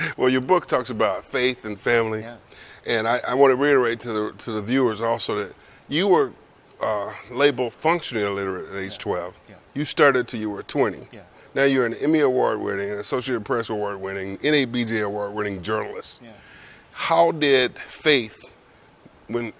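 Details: Adult male speaker; ordinary speech.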